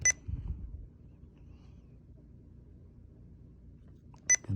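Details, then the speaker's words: Training demo of an epinephrine infusion (4 mg in 250 ml normal saline, non-weight-based): two short high keypress confirmation beeps about four seconds apart as the IV pump is set to 1 mcg/min and 250 ml volume to be infused. "so let's start at uh one a minute hit okay volume to be infused can be 250 hit okay"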